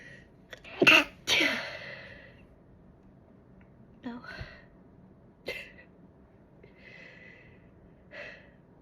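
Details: A sharp adult sneeze with a quick intake before it, followed by quieter sniffs and breaths.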